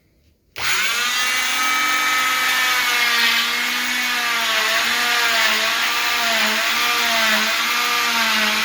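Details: Oscillating cast saw cutting down the line created by a zip stick during cast removal: steady high-pitched motor whine with slightly wavering pitch as the blade cuts cast material.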